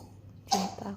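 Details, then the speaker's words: Single short, wet-sounding cough from a baby under one month old with a cough and cold, recently in hospital on oxygen; infant cough. "Nah, masih ada batuknya ya,"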